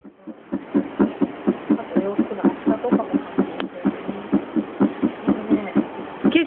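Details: Heartbeat of a 2-year-11-month-old child recorded at a science museum exhibit, not a medical device: steady, regular beat about 125 a minute, normal; faint voices and cloth rubbing noise in background.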